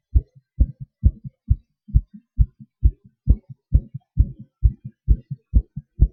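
Regular paired lub-dub heart sounds at about 133 beats a minute, steady here; normal heart sounds at a fast rate.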